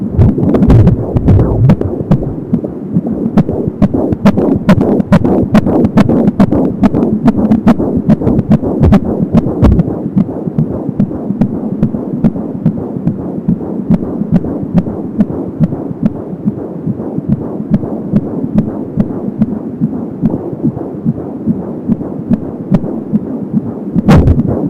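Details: Fetal heart sounds at 20 weeks of pregnancy, heard on an Angel Sound home fetal Doppler. Rapid, regular galloping heartbeat at 170 a minute, with a whooshing umbilical cord sound.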